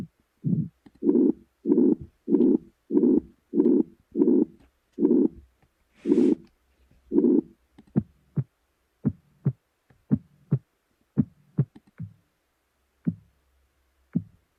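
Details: Computer-generated simulation of pulsatile tinnitus and ear clicking, such as from middle ear myoclonus: rhythmic whooshing pulses, then sharp irregular clicks.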